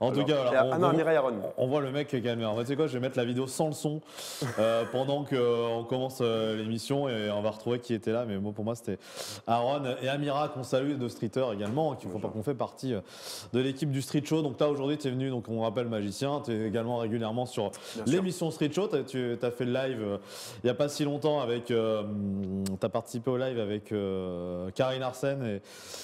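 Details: Adult male speaker; normal speech.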